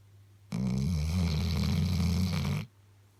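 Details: Sleeping Labrador dog snoring: a single long, deep, rumbling snore lasting about two seconds in a quiet room.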